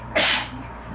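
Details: A single sharp, hissing sneeze from a person sitting in the bath after cleaning with bleach, to which they are allergic, over background dryer and A/C hum; sneezing.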